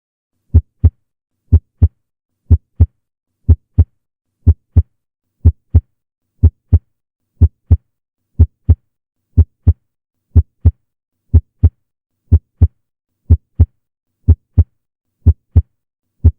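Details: Normal heart sounds: clear, regular lub-dub at about 61 beats a minute with no extra sounds or murmur.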